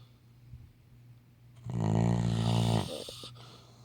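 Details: Labrador dog snoring: one long, deep, rumbling snore on an in-breath in a quiet room.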